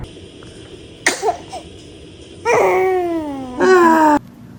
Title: The baby is sneezing